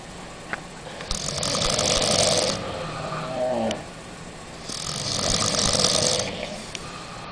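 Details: Two long rough breaths with a fluttering, rattling quality and a softer breath between, over steady room noise, from a group of five girls on holiday, after a nightclub and alcohol; snoring.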